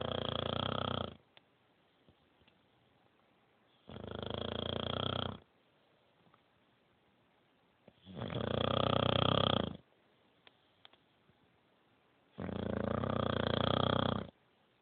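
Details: Sleeping female dog with four loud, rough, pig-like snores in about 15 seconds, quiet pauses between, about 16 breaths a minute; dog snoring.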